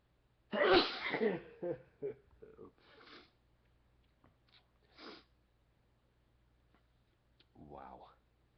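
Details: Man sneezing while talking, describing recurring sneeze attacks: one loud, forceful sneeze followed by a few quieter breaths, sniffs and vocal sounds in a quiet room.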